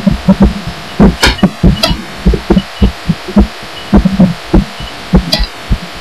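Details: A person's own heartbeat, felt against a pillow while lying down and recorded with the audio amplified: dull, muffled thumps at about 100 a minute, spacing somewhat uneven; the person wonders about arrhythmia.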